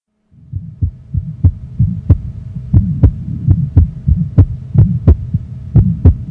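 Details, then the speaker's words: Young child's heart: soft, vibratory, low-to-medium pitched, low-intensity mid-systolic crescendo-decrescendo murmur between beats; innocent Still's murmur. "the M will soften or even disappear when the patient sits up or moves to a standing position while Salva Maneuvers and anything else that decreases preload will also often diminish the murmur"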